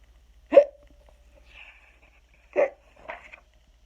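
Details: Simulated hiccups acted by an adult reading the children's book Skeleton Hiccups aloud: two sharp, abrupt voiced 'hic' sounds, each with a softer tail, in a quiet room.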